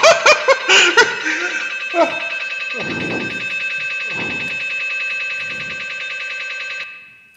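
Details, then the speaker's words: MRI scanner noise from a tickling-laughter study: a participant inside the scanner is tickled, and loud, rapid, buzzing scanner tones play behind bursts of genuine laughter. "vous allez entendre le bruit du scanner par derrière mais ça c'est un vrai rires"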